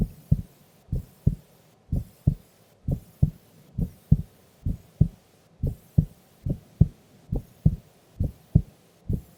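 Clear, regular two-part heartbeat, about 67 beats a minute, on a quiet background; normal heart sounds at rest.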